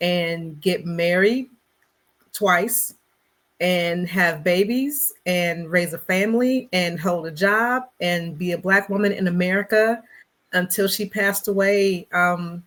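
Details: Stuttering in an adult Black woman who describes herself as a person who stutters, speaking in a conversational interview.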